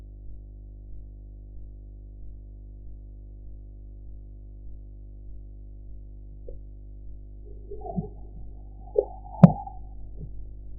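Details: Korotkoff sounds during blood pressure measurement with a sphygmomanometer: faint, regular tapping at about 95 a minute over a steady low hum, with rustling noise near the end.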